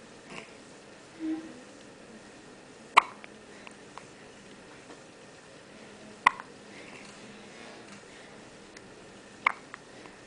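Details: Three sharp, brief hiccup clicks about three seconds apart against quiet room noise; hiccups in a newborn girl right after birth, held by her mother for the first time.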